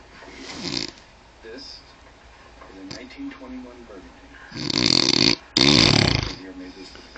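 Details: Loud, harsh rattling snores during sleep, with quieter breathing and some background talk between them; snoring.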